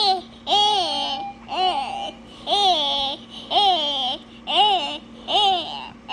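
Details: Child with tracheostomy; vocalization with inflated tracheostomy cuff.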